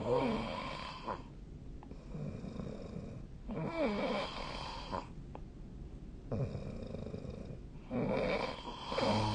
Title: 🐽 本日のイビキ / Snoring Sleep Sound 2025/03/14